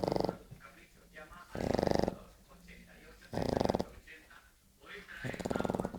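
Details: Slow, irregular rasping snores, about one every two seconds, with quiet breathing between, from a sleeping 3-month-old dog, recorded with a phone held close: snoring.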